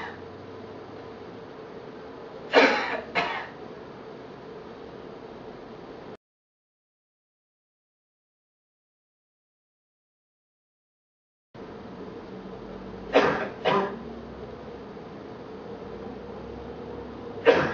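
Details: Deliberate, acted coughs: two pairs separated by a silent gap over steady room hiss, recorded for a schlieren imaging comparison of airflow with and without a mask.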